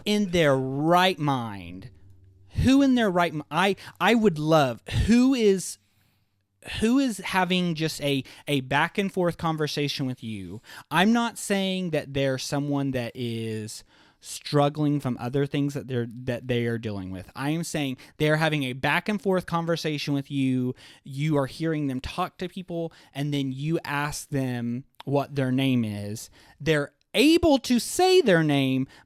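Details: Adult male with a lifelong stutter, worse as a child and less frequent now, with blocks and awkward pauses described as getting locked up; stuttering.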